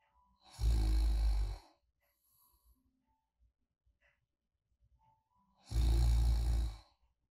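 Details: Light, steady snoring in sleep: two deep, rumbling snores on in-breaths about five seconds apart with near silence between, from a sleep-clinic channel tied to snoring and sleep-apnea oral appliances.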